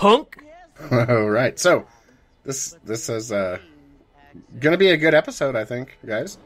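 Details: Adult male speaker; normal speech.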